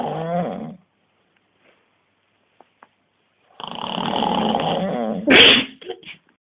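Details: Man sleeping after a hard day, filmed by his girlfriend: loud, rumbling snores separated by a long quiet pause, with a sharp snort at the end; deep snoring.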